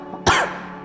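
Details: Adult comedian coughing, from a cough compilation; mentions Jakarta air pollution.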